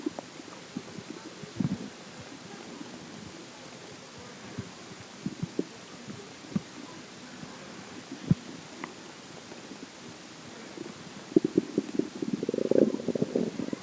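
Scattered gurgles and a longer rumbling growl near the end over steady background hiss, typical of stomach growling.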